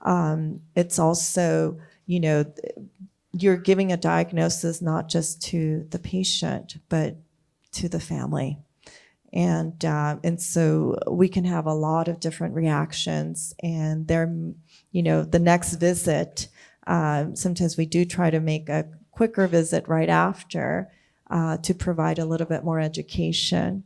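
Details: Adult speaker; normal speech.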